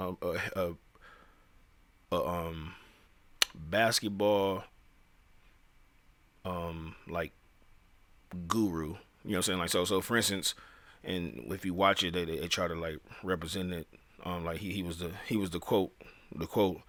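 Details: Podcast host who says he stutters; real speech with repeated phrases; finding: stuttering.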